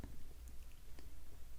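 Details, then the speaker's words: Hungry adult's stomach rumbling while talking, not having eaten: low, rolling gurgle of gas and fluid moving through the gut. "am sorry if you can hear my stomach rumbling I'm a little hungry I should have ate something"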